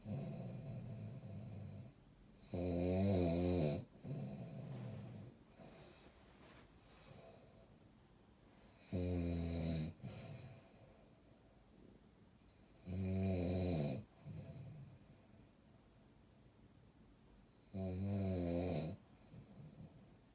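Four loud, regular, rumbling snores about five seconds apart, roughly twelve breaths a minute, with quieter breathing between them.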